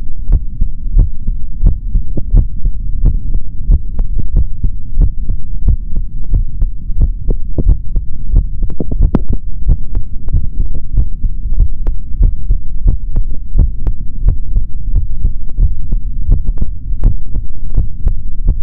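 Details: Male heart heard through a stethoscope: continuous low, regular heartbeat thumps over a soft hum; normal heart sounds.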